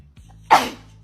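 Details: A single sharp, breathy burst of air over steady background music, an acted sneeze.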